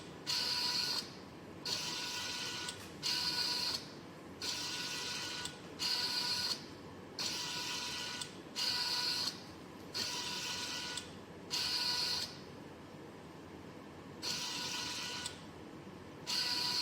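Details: Motor-driven arm whirring in regular bursts with brief pauses, about 22 cycles a minute, from a homemade Arduino/ESP32-controlled emergency ventilator built as a student COVID-19 project, cycling breaths.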